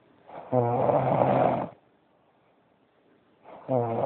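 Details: Loud, rough, buzzing snore lasting over a second, then a quiet pause before the next snore begins.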